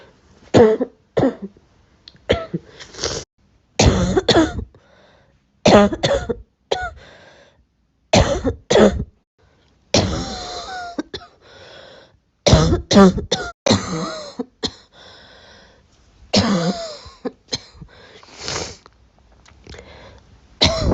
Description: I hope you all enjoy listening to the sound of my cough, I always record it with great care. 🌬️💗